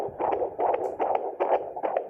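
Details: Rapid, regular whooshing fetal heartbeats at about 145 a minute, within the normal fetal range, heard on auscultation of a pregnant abdomen: fetal heart sounds.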